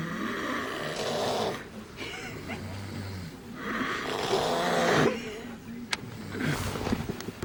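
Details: Two sleepers snoring together: loud rough rumbling breaths in long bursts from one, a second quieter snorer, and some room noise; snoring.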